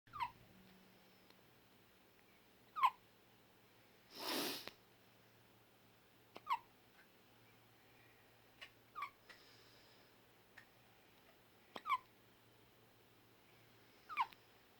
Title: Newborn hiccups